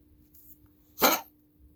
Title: Spike cough